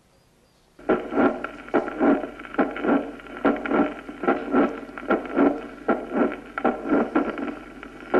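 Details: Late systolic murmur with mid-systolic click (mitral valve prolapse).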